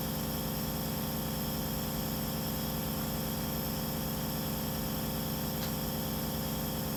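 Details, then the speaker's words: Wall suction unit switched on and running, set to about 60–120 mmHg, in a demonstration of tracheostomy suctioning and trach care with the patient in semi-Fowler's; steady low mechanical hum with fast, even throb. "i'm going to go ahead and turn my suction on right now you want to set the suction to about 80 to 120 millimeters of mercury or 60 to 120 millimeters of mercury"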